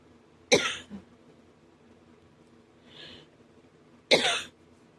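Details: Man with a breaking cough that hurts his chest and throat: two short, harsh single coughs a few seconds apart, with a faint breath between.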